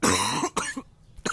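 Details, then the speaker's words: Adult man with a cold (flu-like illness) coughing while talking: a short burst of harsh, expulsive coughs with throat clearing, lasting about a second. "Esse vídeo, nossa, nesse vídeo eu tossi tanto que é capaz de vocês pegarem resfriado só de ver."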